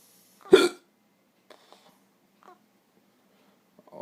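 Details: Father and child both with hiccups at 4 a.m., father's persisting since the night before, suspected to be from sausage they ate: a single abrupt, sharp hiccup followed by faint sounds and quiet.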